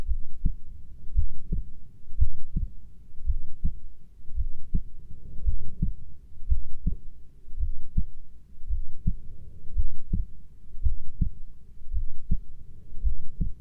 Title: 20 min heartbeat recording